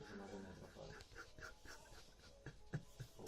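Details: A sleeping Boxer dog makes quick, shallow breathing bursts, roughly four a second, with soft whimpers: panting.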